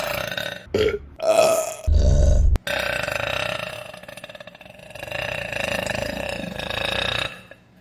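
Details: Female burping compilation: series of loud, deep belches, several short ones then a long drawn-out rumbling belch.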